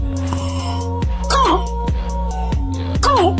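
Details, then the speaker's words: Harsh, hoarse barking cough with a voiced, honking quality, partly masked by music; croup-like cough that should raise concern for acute laryngitis or acute epiglottitis, with choking risk if hoarseness or breathing difficulty appear. "这种咳嗽声需要警惕是急性喉炎、急性会厌炎，如果出现声音嘶哑、呼吸困难，是存在窒息的风险，赶快去医院。"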